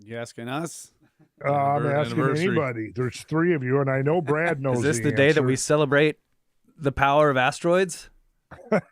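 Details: Adult male speaker; normal voice.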